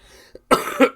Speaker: you're still going to hear the coughs so good stuff there